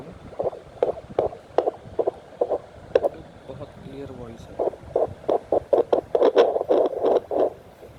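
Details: Fetal heartbeat on home fetal Doppler (for use above 16 weeks of pregnancy): rapid, regular whooshing pulses at about 140–150 per minute, within the normal range.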